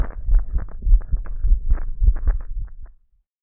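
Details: Own heartbeat recorded while relaxed: low, soft thumping at roughly 100 beats per minute, fading after about three seconds; normal heartbeat.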